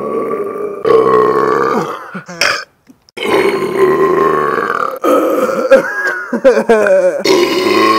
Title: The best burp compilation EVER !